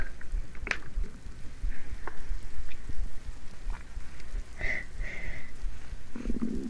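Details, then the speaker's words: Adult who says they are very hungry, have eaten little today, and had ice cream earlier: low, irregular gurgling and rumbling with a few higher squeaks; stomach rumbling (borborygmi). "I I guess that ice cream from earlier is not sitting too well"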